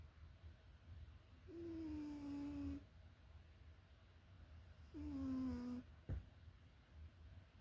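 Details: A man sleeping: two soft, whistling snores with a falling pitch, each about a second long, over low room hum; snoring.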